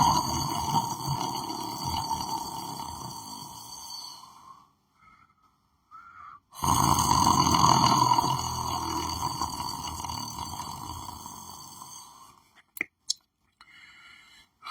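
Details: Person lying down on the floor sleeping: two long, loud, rattling snores separated by a quiet pause, with a few faint clicks at the end; ordinary snoring.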